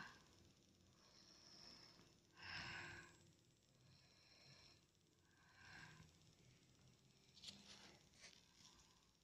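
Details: Light snoring from a sleeping child: quiet, regular hissing and snorting breaths, with soft snores on several breaths; a parent records it as proof that the child snores during sleep.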